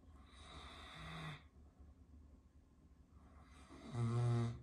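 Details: Caucasian Shepherd dog snoring while asleep: two deep, rumbling snores with quiet breathing between.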